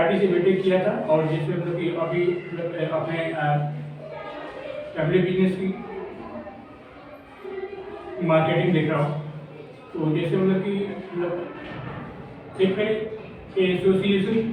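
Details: Male speaker who says he stutters when speaking in front of people; stuttering.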